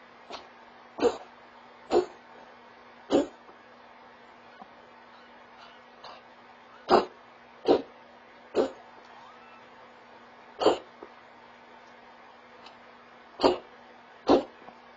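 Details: Cat coughing, captured by a home security camera: about nine short, dry cough bursts in irregular clusters over a steady electronic hum.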